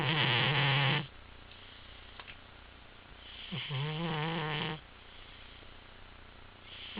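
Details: Female pet cat snoring while napping: loud, buzzing, fluttering snores on the in-breath, each about a second long, with quiet breathing between them; unusually loud for a cat.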